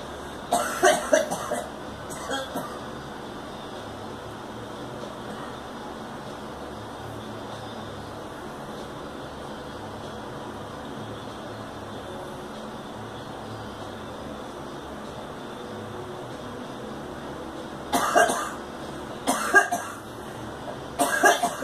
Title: Girl coughing